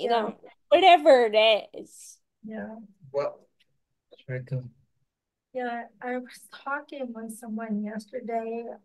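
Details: Speaker with ataxia (the episode discusses Friedreich's ataxia) who has worked on pronouncing words; ataxic dysarthria.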